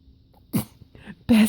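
Short, voiced sneeze-like bursts from an infant imitating sneezes in play, not true sneezes.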